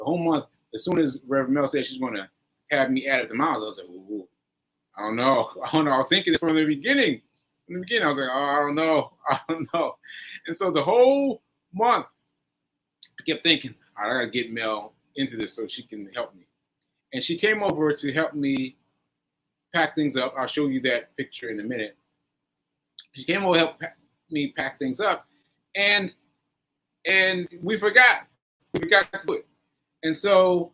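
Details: Aphasia in a male stroke survivor, stroke on 7/14/22, recorded about a year later (7/4/23) during ongoing recovery.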